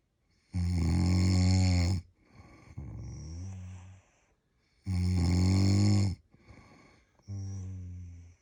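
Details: Person snoring while on holiday in London: loud, rattling snores on each in-breath with softer out-breaths, about 14 breaths a minute, quiet room; ordinary snoring.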